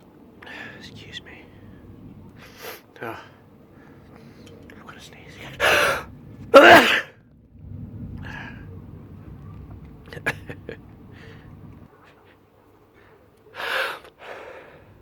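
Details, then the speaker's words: A person having an allergy sneezing fit: a run of about four sharp sneezes, some with a gasping intake before them. "I'm gonna sneeze again. Achoo! Oh, sorry. Achoo!"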